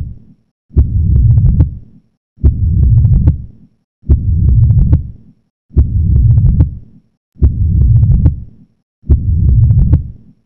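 Regular low heart sounds, about 36 cycles a minute, each followed by a long blowing murmur; fits aortic regurgitation.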